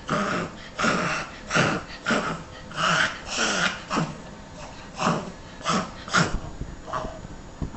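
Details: Dog with reverse sneezing (pharyngeal gag reflex): a rapid run of loud, honking snorts pulled in through the nose.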